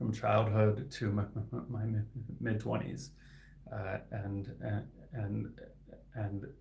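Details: Adult man who stutters and is a licensed speech-language pathologist; his stuttering is inconsistent, with words sometimes stuck for seconds; repetitions heard; finding: stuttering.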